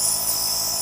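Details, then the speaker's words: Child with cough and colds, grade B per doctor, receiving nebulizer treatment with nebule, enjoying it: steady high-pitched hiss and hum of a running nebulizer delivering aerosol. "Gustong gusto niya yung pag nebulizer. Gustong gusto niya."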